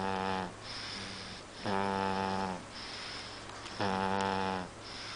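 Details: Person snoring like a man: regular, buzzing, vibrating snores on each inward breath, about one every two seconds.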